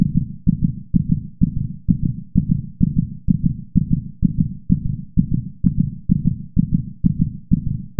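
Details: Rapid, regular heartbeat with breathing heard through a stethoscope, about 128 beats a minute, with clear paired low thumps.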